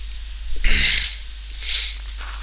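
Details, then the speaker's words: Adult gaming while talking announces a need to sneeze, then a single sharp sneeze bursts out, followed by a softer exhaled breath, over a steady low hum. "right I think I cut that out of the video I won't know depends on how lazy I get if you hear the sneeze then I'm very very lazy today"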